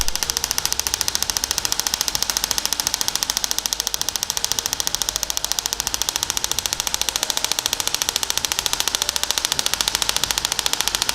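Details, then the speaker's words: Shock wave therapy for plantar fasciitis of the foot, with a 15 mm linear head pressed lightly and shifted about one centimetre at a time, avoiding bone: steady sharp clicking pulses at about 120 per minute as the device fires. "you apply a little pressure and then you shift by around one uh sorry ten mil just one centimeter go down again apply pressure shift by one centimeter go up again"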